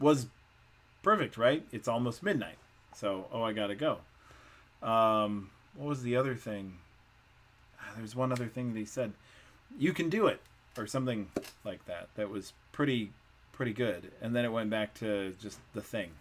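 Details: Adult man with Wernicke's (fluent) aphasia, with impaired comprehension and repetition and little awareness of his deficits; Wernicke's aphasia.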